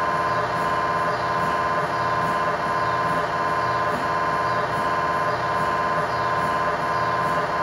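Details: Loud, steady droning buzz with regular pulsing about 86 a minute; MRI scanner acoustic noise inside the scan room during a tibia/fibula (lower leg) test scan with a GE high-definition lower extremity coil, controlled environment.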